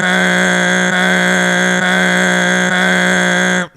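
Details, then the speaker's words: Loud, steady buzzing drone with a faint regular pulse, a person's vocal imitation of one of the roughly 100-decibel MRI scanner noises, lasting about eight seconds, heard during a knee MRI. "loud for like eight seconds in a row and then it stops and then another one and then another one"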